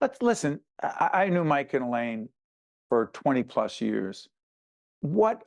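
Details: Adult male speaker; Normal speech.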